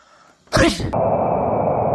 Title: what a horrible sneeze😁